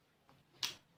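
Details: Light finger percussion taps on a patient's abdomen during a digestive system exam, one crisp tap with a brief hollow ring: normal tympanic percussion note.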